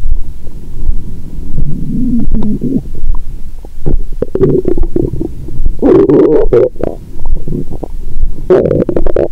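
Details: Near-continuous low gurgles and rumbles with scattered clicks and bursts through a stethoscope on a woman's abdomen after a Christmas dinner with wine following a 22-hour fast; active bowel sounds.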